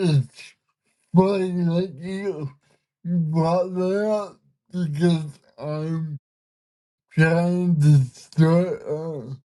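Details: Man with cerebral palsy whose body resists him, making communication hard at times; listeners found him hard to understand at first; dysarthria (cerebral palsy).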